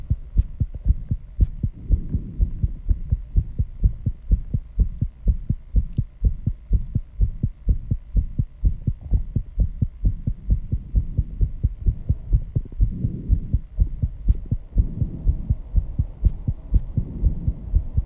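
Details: Own heartbeat after intense exercise with heavy breathing, reported at 134 bpm and audible without the microphone at first: fast, strong, regular thumping about 125–135 a minute with low hum; sinus tachycardia.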